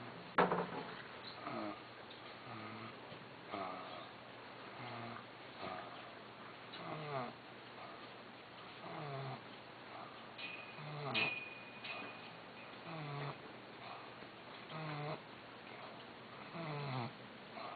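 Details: Pet pig snoring: soft, regular snoring sounds with each breath, about 16 breaths a minute, in a quiet room.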